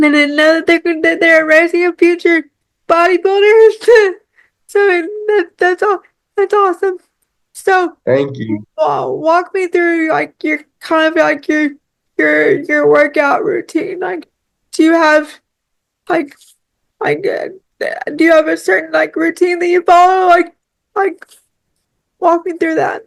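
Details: Woman with cerebral palsy who relies on one arm and uses a power wheelchair; real, natural conversational speech; speech in cerebral palsy.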